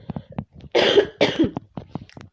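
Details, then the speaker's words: Adult with COVID-19 on isolation day 6, with constant coughing, gives two harsh, dry cough bursts with quieter breaths and throat sounds around them. "i went to the pharmacy because my throat as you can hear i'm coughing so much"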